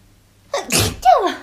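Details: A young woman, a TWICE member, takes a quick indrawn breath, then gives a high, squeaky double-burst 'achubababa' sneeze. A single sneeze.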